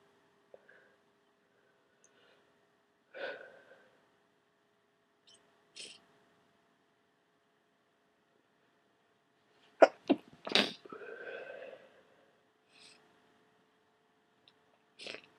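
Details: Massive wet sneezing fit during a head cold: a burst of several sharp, wet sneezes with snuffly breaths and sniffs; a whole box of tissues used that day.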